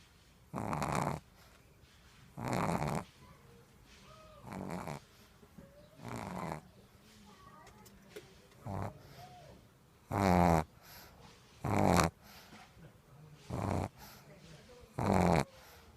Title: My pug love snore